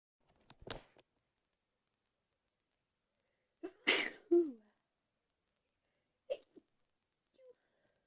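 A few short bursts, including one full explosive sneeze and smaller stifled ones, in a quiet room; ordinary sneezing.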